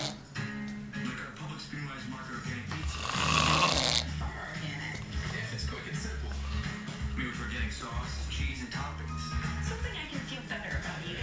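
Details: Adult man (a father) snoring hard after falling asleep watching television: loud, rough, rumbling snores with a harsh snort, audible over loud TV talk and music.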